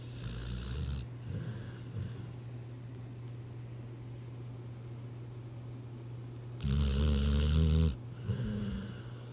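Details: Sleeping dog, owner wonders what it was dreaming about: low rumbling snores a few seconds apart with quiet breathing between; ordinary snoring.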